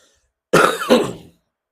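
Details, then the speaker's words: An adult speaker who has a "frog in the throat" and reports having lost their voice gives one forceful, harsh throat clear in two pushes, lasting under a second, in a quiet room. Finding: throat clearing. "Je vous ai dit que j'ai un chat dans la gauche et vous savez qui m'écoute depuis longtemps. Ils ont constaté que j'ai perdu la voix."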